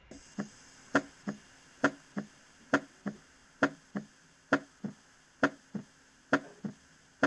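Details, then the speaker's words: Physiological splitting of S2 teaching example: steady heart sounds near 67/min, with S2 heard as two components on inspiration and a single sound on expiration. This is normal and physiological. "fíjense si algunos logran escuchar que hay momentos donde el s2 suena como dos componentes y en otros momentos donde el sello suena como un único componente"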